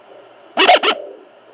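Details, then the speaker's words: Home fetal Doppler at 22 weeks of pregnancy, baby boy: two quick, loud whooshing bursts over a low hiss as the fetus moves, heard near his heartbeat. "Yeah, that's the baby there. And when it makes these noises, I have no idea what he's doing. He's moving somehow."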